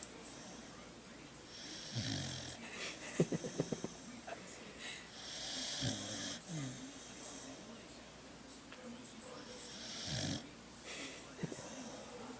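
Irregular low snorting snores with rattling breaths against steady background noise; snoring.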